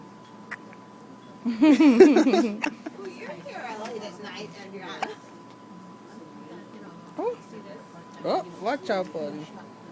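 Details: Infant with hiccups, with a tube mentioned nearby: short abrupt voiced catches at irregular intervals among soft infant sounds and adult talk.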